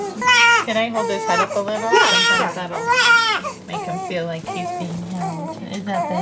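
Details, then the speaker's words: Two-week-old newborn boy with dextrocardia (heart rotated to the right) on a day of heart tests and doctor visits: loud, repeated vigorous newborn cries with brief breaths between bursts. "yeah man he was like crying and squinting and then he opened like and it broke me"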